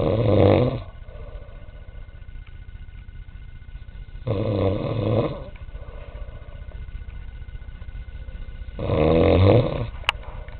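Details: Taxi driver snoring: loud rasping snores on each in-breath, about 14 a minute, with quieter breathing between and faint room noise.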